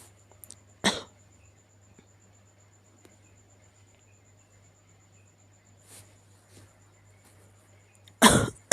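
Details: Cat's cough: two short, sharp coughing bursts about seven seconds apart, with faint softer sounds between, in a quiet room with a steady hum; sick cat coughing.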